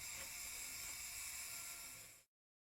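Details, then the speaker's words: Powered surgical burr whirring steadily, high-pitched, about two seconds then stopping, correcting deformity and alignment of the tibiotalar joint and roughening subchondral bone during anterior-approach ankle arthrodesis; surgical burr. "at this stage a burr is used to correct any deformity and Alignment in the tibiotalar joint and roughen the subchondral bone"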